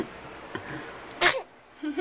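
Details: A single short, sharp sneeze from a newborn girl at home in her first days after birth, followed by a soft sound; ordinary sneeze.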